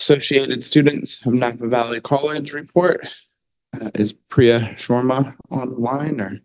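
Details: Adult man speaking; normal voice.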